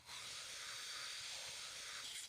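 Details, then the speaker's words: Steady high-pitched hiss of a suction machine running, with tubing attached to a Yankauer catheter, checked by suctioning a little sterile saline from a basin before oropharyngeal suctioning in a nursing skills demonstration. "verified that the suction mechanism is working properly by suctioning a small amount of sterile saline from the basin"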